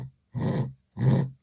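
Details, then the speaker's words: Two short nasal sniffing bursts, rising then fading, a vocal imitation of an aortic mid-systolic ejection murmur coinciding with the pulse, likened to sniffing with a cold and no handkerchief. "Pero si ustedes quieren recordar el soplo, suena como cuando uno se resfría y no tiene pañuelo. ¿Cómo qué hacen con la nariz?"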